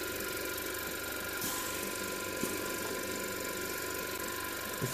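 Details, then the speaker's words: Respironics Millennium pressure-swing-adsorption oxygen concentrator, opened for teardown, running with a very shaky compressor: steady constant-tone mechanical hum with a faint periodic hiss. "yes that's a very shaky compressor actually"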